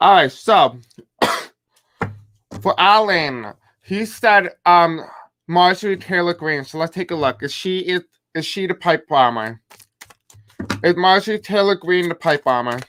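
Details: Male speaker with self-described deaf accent, who says he may have a hard time pronouncing certain words; deaf speech.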